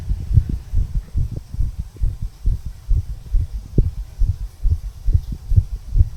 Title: Heartbeat Recording of 34 Year Old Male. Tricuspid Valve Area, Visible HeartBeat.